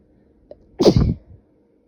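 A brief intake of breath followed by one forceful, explosive sneeze, then quiet.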